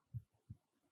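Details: Cardiac auscultation teaching example of normal heart sounds: a deeper first sound (S1), a short pause (systole), then the second sound (S2), followed by a longer diastolic pause. Normal S1 and S2.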